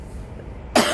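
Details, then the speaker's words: Person outdoors on a street in Germany, coughing since leaving home; the cough is worse in the morning and at night and brings up no phlegm. A single abrupt dry cough burst with no wet or rattling sound. "എനിക്ക് നാട്ടിൽ നിന്ന് തൊട്ട് ചുമയുള്ളതാണ്. അതിങ്ങനെ രാവിലെ ഭയങ്കര കൂടുതലായിരിക്കും, രാത്രി കൂടി, പിന്നെ ഇനി വെയിൽ തെളിയാൻ കുറഞ്ഞു വരും. കഫമൊന്നുമില്ല, വെറുതെ ഇങ്ങനെ കുത്തി കുത്തി ചുമയ്ക്കുക."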